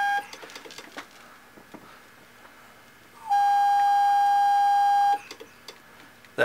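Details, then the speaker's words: Steady high whistle from the oxygen bottle regulator, which is poorly connected while feeding an Allied AHP 300 portable transport ventilator set to 100% oxygen during a setup demonstration. "I don't have it hooked to the bottle well so that's why I'm getting a whistling sound from my O2 bottle but that's 100%"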